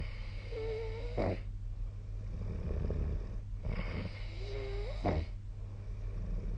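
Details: Snoring during sleep recorded with the SnoreLab app: two low rumbling breaths about 2.5 seconds apart, each ending in a short snorting burst, over steady room hum.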